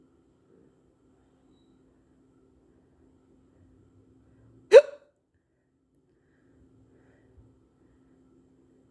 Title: trying to fix my hiccups (a bit of a 5 min video)